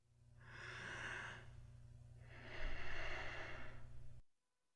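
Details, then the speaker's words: Bradypnea demonstration in a respiratory failure lecture: one slow, drawn-out breath in and out, low-frequency breathing pattern described as seen in obesity and alcoholism. "next we have bright apnea which is the low frequency breathing pattern that we see in obesity and alcoholism"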